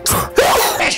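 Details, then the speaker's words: Simulated adult sneeze performed by an actor in a cold and flu public health announcement: brief sharp intake then loud burst, with music underneath; sneeze. "research shows that when a sick person sneezes cold and flu germs fly no that's just sickening"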